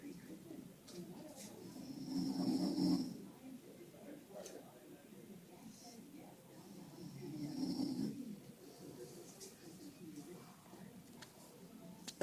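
Two loud, low rumbling snores about five seconds apart, separated by quieter breathing, with faint room noise.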